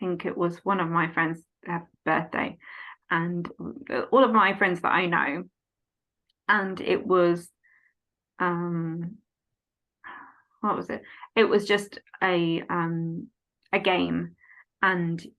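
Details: Adult woman, 14 years after a stroke at age 18, with post-stroke aphasia affecting speech, reading, writing and understanding numbers; aphasia.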